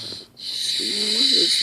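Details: Wheezy snoring from a sleeper with the tongue sticking out between the teeth: a loud hissing breath with a short whistling, moaning note in it.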